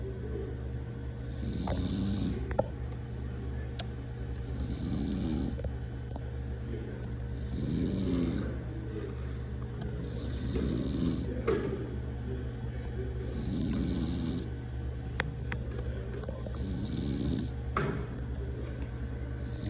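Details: Father snoring while asleep: steady low rattling snores, about one every three seconds, against a background hum.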